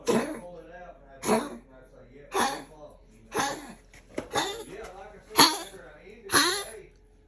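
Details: Pomeranian with a collapsed trachea, which flares at certain times and in certain weather: seven harsh, goose-like honking coughs about once a second.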